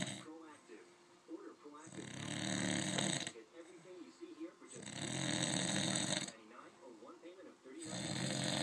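Loud, rough snores on each breath in, about three over nine seconds, separated by quieter, fluttering breaths out; plain snoring.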